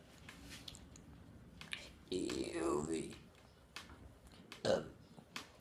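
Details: Deliberate burping: a prolonged, rumbling belch lasting about a second, followed by a shorter second burp, in a quiet room; burping.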